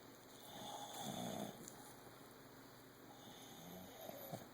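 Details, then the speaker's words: Faked snoring in a prank: two slow, rough breaths with a soft snoring rattle, faint against a steady high hiss. "That was a good one. I know you were faking those freaking snoring."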